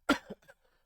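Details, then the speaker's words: Cough from an adult who is ill and hoarse, during a live stream: one sharp cough burst followed by a brief, softer trailing cough sound. "Sorry for my voice and for my coughing. I'm pretty ill, but I had to come and spend this time with you and develop further Steam Tales."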